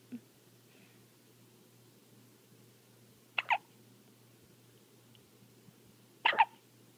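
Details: Brief, sharp hiccup bursts from an infant with a pacifier, a few seconds apart, some in quick pairs, over quiet room hum; ordinary, harmless baby hiccups.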